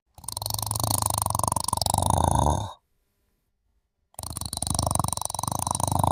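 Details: Loud rattling inspiratory snore, then a pause in breathing and another snore, with repeated snorts during sleep.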